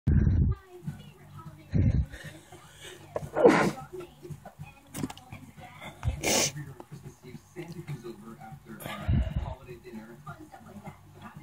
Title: Requested muffled sneezes